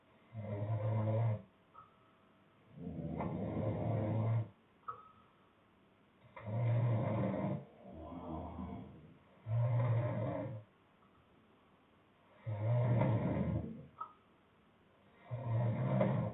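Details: Loud, deep, rattling snores in a steady rhythm of about 20 breaths a minute, with softer snoring on out-breaths, from a sleeping boyfriend; two other people are also snoring.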